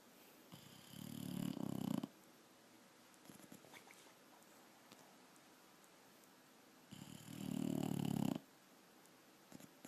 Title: Abby the Bulldog snores